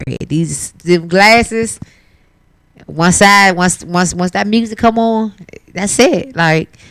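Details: Adult male performer who says he stutters for real when talking but not when performing music: stuttering.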